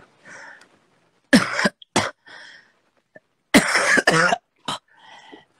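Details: Adult singer with an ongoing cough who says she wants to clear phlegm; several harsh, wet-sounding coughs and throat clearing, fitting a productive cough.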